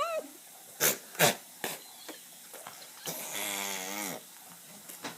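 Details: Three brief, sharp, jerky bursts about half a second apart, then a drawn-out whine, from a dog named Lolly; repeated hiccups in a dog.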